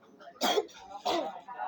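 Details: Child with fever and cough that has since improved: two short, breathy coughs in quick succession with faint room noise; plain cough.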